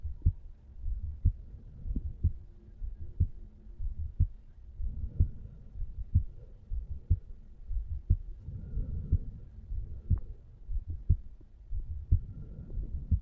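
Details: Normal heart sounds from a 35-year-old male relaxing on a couch: steady, low heartbeat thumps at about 60 beats a minute, recorded over the mitral (bicuspid) valve area.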